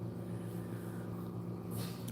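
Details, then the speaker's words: Home oxygen concentrator used by a person who wears oxygen, running during a live stream: a steady low mechanical hum with a faint hiss near the end. "Sorry about that noise. That's my um oxygen concentrator, but it will stop in a minute. I promise."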